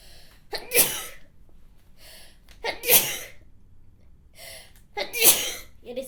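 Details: Adult woman reading aloud sneezes three times, each opening with a quick catching inhale before a sharp burst; sneezing.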